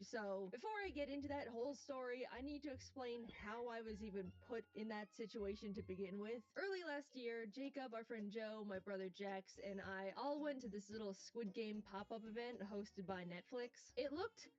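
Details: Adult speaker; normal voice.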